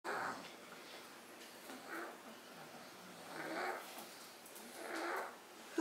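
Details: Two sleepers, both snoring: repeated noisy snorting breaths about every one and a half seconds in a quiet room.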